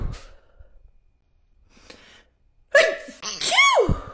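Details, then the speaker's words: Soft breaths, then a gasping intake and quick high-pitched voiced sneeze bursts run together from a woman doing a lateral flow test nasal swab; rapid sneezing. "I thought I would film myself doing a lateral flow test just to show you how much it makes me sneeze I hate doing that part one this is gonna make me sneeze okay"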